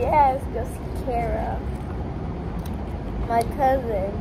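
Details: Child speaking; normal speech.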